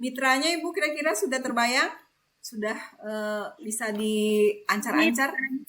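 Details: Adult woman speaking; normal voice.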